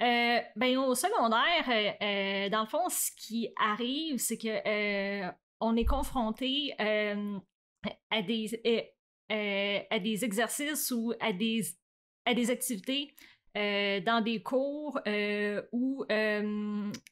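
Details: Adult woman who stutters, stuttering since about age 7 or 8; stuttering.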